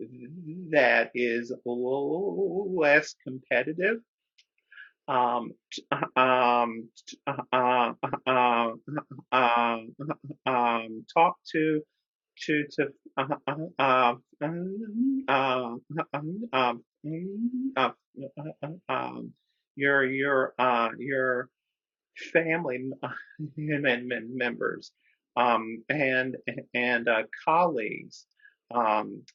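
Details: Adult man who stutters speaking with repetitions and filler interjections; stuttering.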